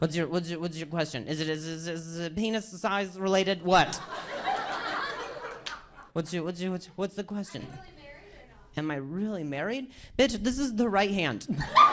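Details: Male stand-up comedian with a stutter; he says hearing noises in his ear while talking makes him stutter; stuttering.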